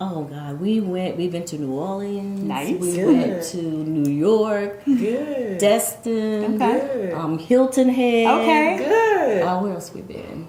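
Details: Adult woman speaking; normal speech.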